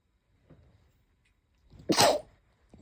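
A faint intake of breath, then a single muffled, partly held-back sneeze burst in a quiet room: a stifled sneeze.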